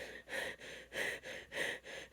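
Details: Acted hide-and-seek scene with a female hiding in a dusty closet, claiming dust allergy: rapid, harsh, loud airy breaths, about four in two seconds, before stifled sneezes; noisy, fast breathing.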